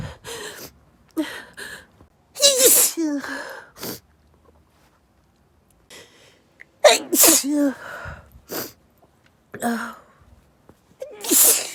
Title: Intense pepper sneeze attack